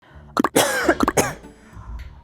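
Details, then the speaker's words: An acted run of about six quick, harsh coughs from an adult in a persistent coughing fit. The character blames cold wind, mentions feeling feverish, and is warned it could be tuberculosis. "아, 기침이 계속 나오네. 바람이 차서 그런가?"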